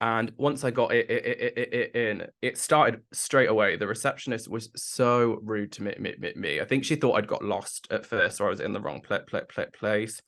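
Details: Adult man with Tourette syndrome, onset in his mid-20s after brain damage; he describes the less socially accepted form with complex tics that worsen with nervousness or heightened emotion, plus a stammer that was worse in the past; vocal tics with stammering.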